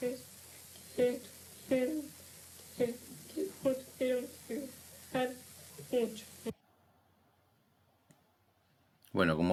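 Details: 17-year-old reading a text during initial speech-therapy evaluation, almost unintelligible with poor breathing-phonation coordination: psychogenic dysphonia.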